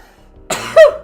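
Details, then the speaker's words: A man sneezes loudly and forcefully while setting up a poll during a live stream, then says "excuse me" and calls the sneeze very violent sounding. "someone clip that sneeze that's just what I sound like when I sneeze I know it's it's it's very violent sounding"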